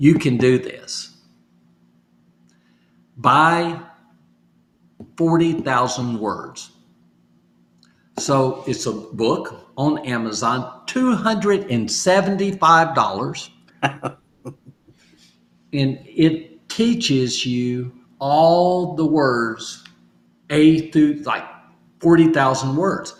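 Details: Adult stroke survivor with aphasia (post-stroke), in recovery and doing home therapy practising phrases from sticky notes; aphasia.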